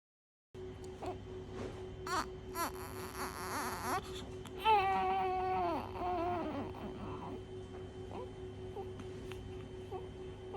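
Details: Newborn baby on day 1 of life: a few short, sharp sneezes followed by a brief whimpering cry over a steady room hum; ordinary newborn sneezing.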